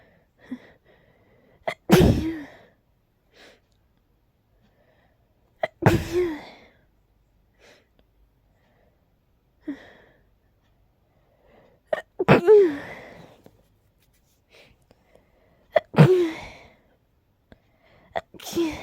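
Five sneezes in about nineteen seconds, each a sharp burst after a brief intake of breath, in a quiet room.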